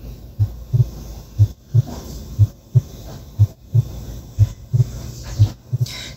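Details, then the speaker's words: Simulated split second heart sound from an auscultation practice app: heart sounds at about 60 beats a minute, the second sound split into two close components. "así como el primer sonido fuerte la división del primer sonido cardíaco [Música] división del segundo sonido cardíaco"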